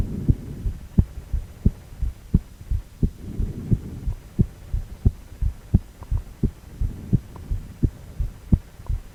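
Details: Regular low thumping heartbeats at about 85 beats a minute with soft whooshing flow between beats, from a male heart on cardiac ultrasound, 4-chamber view.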